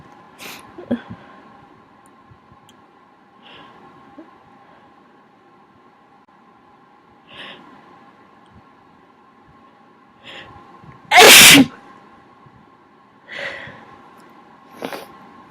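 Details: Person with a cold, sick, repeated sneezing fits with nose blowing: several small sniffs and nasal blows, then a sharp sneeze burst over steady room hum.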